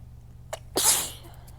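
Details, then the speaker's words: Strong sneezing fit that burns and hurts the throat, with a low pollen count; she assumes a weather change is the cause: a small sneeze, then one forceful, explosive sneeze with a hissing burst of air. "Ow. These are hurting my throat. These hurt my throat like bad."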